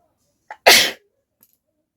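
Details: One ordinary sneeze: a short indrawn breath, then a loud, explosive sneeze, during a sneezing challenge without a handkerchief (paper-folding attempt).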